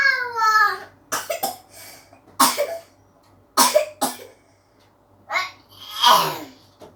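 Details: Young child singing sholawat breaks into several sharp, dry coughs, with sung and vocal sounds between them.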